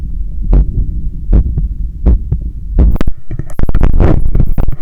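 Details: Own heart heard through a stethoscope held on the chest during bicep curls with a resistance band: loud low heartbeat thuds about 80 a minute, then covered by rubbing and scraping from the stethoscope as the person moves.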